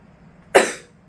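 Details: Cough from an adult medical student in the fourth week of a respiratory infection with frequent coughing.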